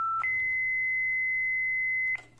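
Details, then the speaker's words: Philips Efficia DFM100 defibrillator operational check after battery replacement for a therapy-disabled error: a beep, then a steady high charging tone about two seconds, cut off as the test shock is delivered via paddles; error cleared. "shock delivered shock delivered and progress so ti kita mo guys Wala na siyang error"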